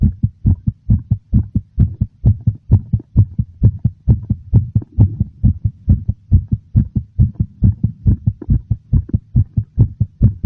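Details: Strong, regular low thumps at about 136 a minute, very noticeable; a fast, prominent heartbeat.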